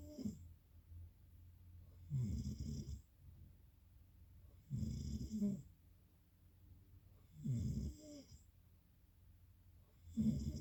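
Regular low rattling snores on each breath, about 22 breaths a minute, with quiet gaps between; ordinary sleep snoring.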